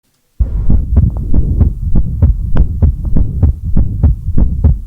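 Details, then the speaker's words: Rapid low heart sounds with a continuous whooshing noise filling the gaps between lub and dub, played as an audio sample in a nursing lecture on congenital heart defects; heart murmur. "I like hurt murmurss. So, in that situation, you have the lub and the dub happening and then there shouldn't be any there shouldn't be any noise between those two things, right?"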